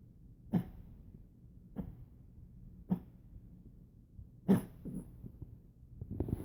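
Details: Puggle dog coughing: four short, harsh, dry coughing bursts over about six seconds, with faint breathing noise between them.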